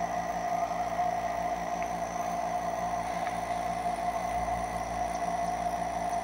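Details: Nebulizer compressor running.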